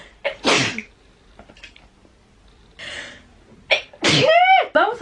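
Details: A girl with a runny nose, asking for tissues, gives several explosive sneezes with sharp in-breaths between them, the last ending in a voiced squeal. A run of ordinary sneezes.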